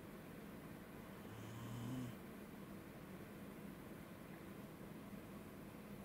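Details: Tired, sleeping corgi that snores more often than the other dogs; owner wonders whether it is hay fever. A single low, rumbling snore against a steady background hum: snoring.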